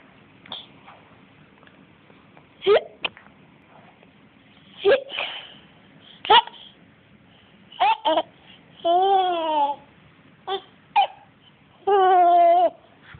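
Sudden short hiccup bursts at irregular intervals, mixed with infant babbling and cooing sounds.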